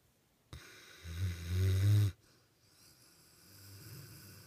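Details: Dog asleep: a single loud, low rattling snore on the in-breath, followed by a quieter breath; snoring.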